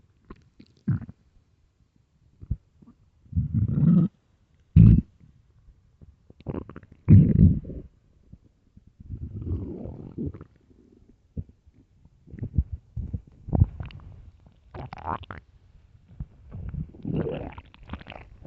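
Irregular low gurgling and rumbling bursts from the belly: ordinary stomach growling from an empty stomach.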